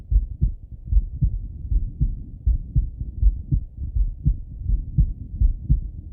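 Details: Male heart auscultation through a stethoscope, recorded either sitting at a desk or lying in bed: low, muffled, regular lub-dub heartbeats at about 80 beats a minute with some rubbing noise; normal heart sounds.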